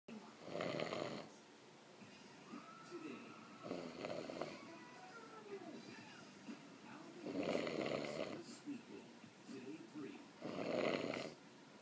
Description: Ok, so maybe I actually DO snore just a little bit! I have heard and seen so much worse, lol!